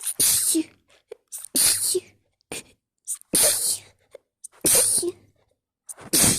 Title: Snotty sneeze fit